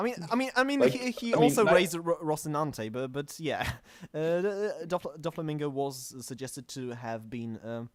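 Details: Stuttering; podcast host whose co-hosts are introduced as the non-stammering hosts, implying he stammers; the show describes itself as combining manga talk with speech therapy.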